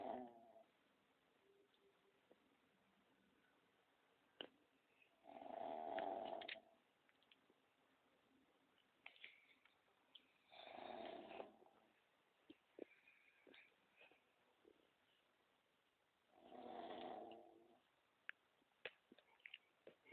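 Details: Pug snoring: a small flat-faced dog makes loud rattling breaths about every five to six seconds; snoring.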